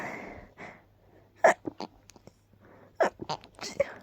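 Soft breathy intakes, then several short clipped 'choo' bursts held back in the throat: a run of stifled sneezes.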